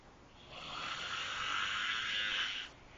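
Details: Snoring loudly enough to wake a sleeper: one long, loud, harsh rasping snore lasting about two seconds.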